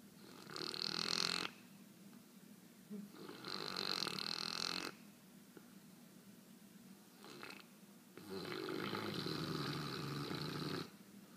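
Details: Loud, raspy snores with long noisy breaths, about four over eleven seconds, while asleep and dreaming; snoring.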